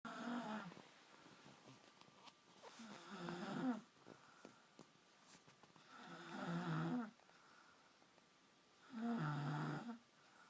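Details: Adult woman snoring in sleep, later woken and denying it: low, rumbling snores about every three seconds, roughly 20 a minute, with quiet pauses between.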